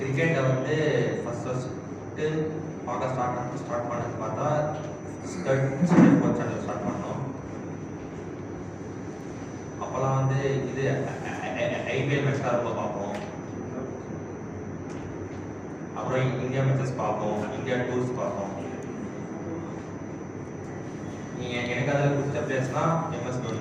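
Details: Person who stammers, practising the pausing technique in speech therapy, with audible word repetitions; stuttering.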